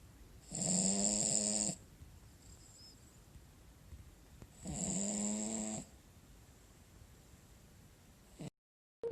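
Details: Cavalier King Charles Spaniel dog sleeping: two loud, rattling snores about four seconds apart in a quiet room, each a long buzzing inhalation; ordinary snoring.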